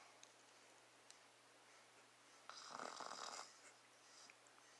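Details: Father snoring: one raspy, rattling snore over a quiet room background, with soft breathing before and after.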